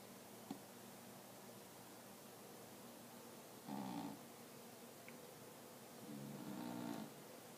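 Two soft, low, fluttering snores against steady room hiss, from a sleeping cat; harmless snoring.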